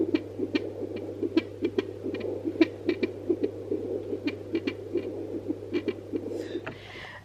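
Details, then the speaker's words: Fetal heartbeat on a home handheld fetal Doppler with ultrasound gel, mother lying down: fast, soft rhythmic pulsing with hum and scraping noise. "it takes a bit of fiddling but eventually if you understand the concept of where baby's heartbeat should be it makes sense"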